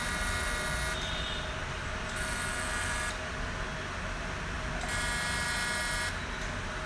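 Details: CO2 fractional laser treating the face for open pores, skin tightening and acne scars: loud continuous machine hum and buzzing with rapid pulsing and on-off bursts of higher hiss.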